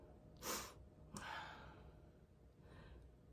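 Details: Laboured breathing from an adult living full time in a minivan who became very ill a few days after returning and has been in a hotel for about eight days.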